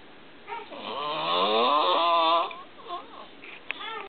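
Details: Asleep on arrival home after three days at the hospital; a long, high, whistling, whining snore with rising pitch, then softer nasal snuffles: snoring.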